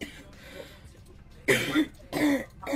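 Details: Girl coughing, complaining of a very sore throat: two harsh, forceful coughs in quick succession over faint background sound.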